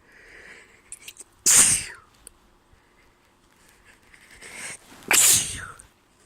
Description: caught a cold :( my throat hurt yesterday and today i woke up with a sneezy stuffy nose